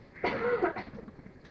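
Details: Cough from an adult teacher during a class lecture, described by the cougher as sounding like a wounded goose.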